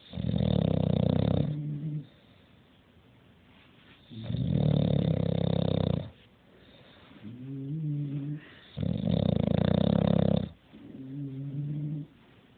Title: Ruger snoring